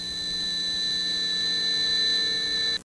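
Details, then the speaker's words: Simulated tinnitus from a 1987 American Tinnitus Association hearing-protection announcement: a steady high-pitched ringing tone with faint hiss, the constant ringing of tinnitus. "most americans choose not to hear what tinnitus can do now they hear it all the"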